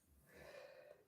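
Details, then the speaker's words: Sleeping pet dog snoring softly during a live stream: a single brief, rough, noisy breath. "That's Rosie, you can hear snoring for a change, isn't it?"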